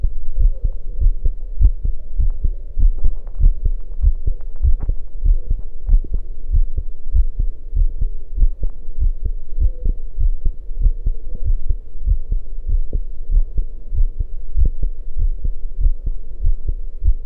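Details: Heartbeat recorded after running: fast, deep thumping beats at roughly 100 a minute over a low hum; rapid heartbeat after exercise.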